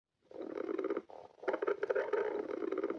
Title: Sunday stomach growling